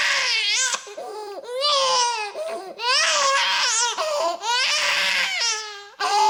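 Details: Baby crying loudly in about five strong, wailing bursts separated by brief catch-breaths, each rising and falling in pitch, in a quiet small room; sound-effect recording of infant crying.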